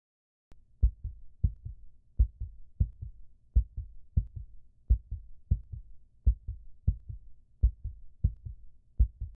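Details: Steady, regular heartbeat with paired low thumps at about 85 beats a minute, in a quiet background; heartbeat.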